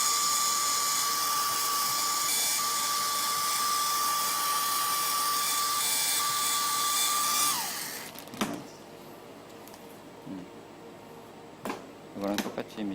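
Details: Steady high-pitched motor whine for several seconds, then winding down into a quiet room with faint clicks: a rotational atherectomy catheter running, during a live endovascular case.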